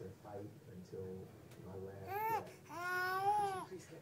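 Short, rising-and-falling infant whines among soft babble in a quiet room. Mild fussy crying.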